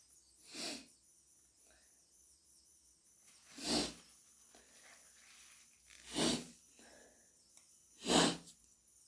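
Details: Person with hay fever and an itchy, tickly nose: four forceful, wet sneezes a few seconds apart with quiet breathing between; repeated sneezing.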